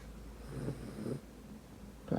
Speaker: she's actually snoring so if you can hear that